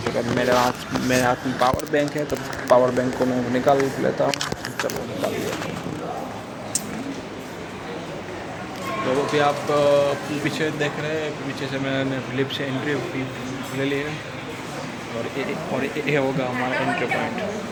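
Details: Stuttering in an adult man on day 65 of a stammering-control program that uses breathing, slow counting and reading-aloud fluency exercises, speaking in a public hospital; finding: stuttering.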